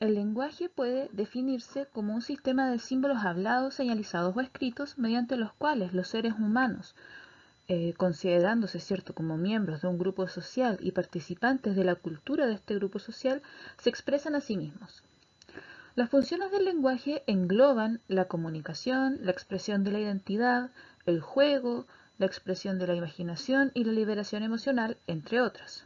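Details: Adult woman lecturing in Spanish; normal speech.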